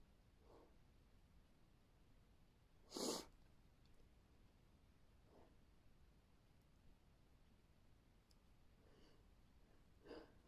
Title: A good sneeze!